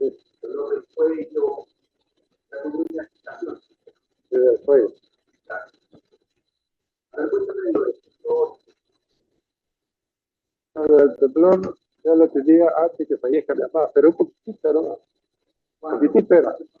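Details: Hypophonia in a man with a right-hand tremor, clumsiness and slowness that began 2.5 months before consultation and spread to the right leg, plus earlier insomnia, fatigue and a 20 kg weight loss over 4 months; words are mostly unintelligible and very soft.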